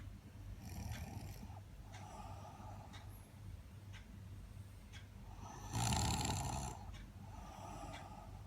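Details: Repeated rough, rattling breathing noises with each breath during sleep, one louder snort partway through; snoring in a person described as overtired.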